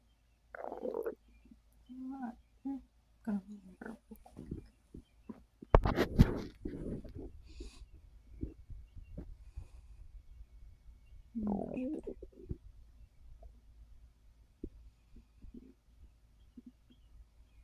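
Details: Bowel sounds from a full, bloated stomach while trying to rest after overeating, which followed a gummy that increased snacking: irregular low gurgles and rumbles with quiet gaps, ordinary digestive borborygmi.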